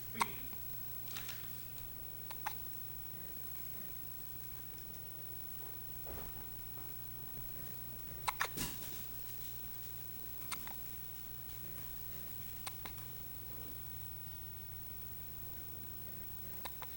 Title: w/ Hiccups